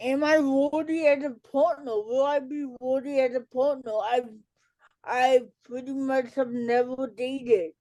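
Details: Adult woman, an educator and author with cerebral palsy, speaking in a real interview: dysarthria due to cerebral palsy.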